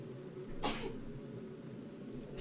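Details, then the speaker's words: A single muffled, partly held-back sneeze over low room noise from a live-streamer who was trying not to sneeze near the microphone; an ordinary sneeze. "I tried really hard not to sneeze anywhere near the mic. I hope you guys didn't hear that."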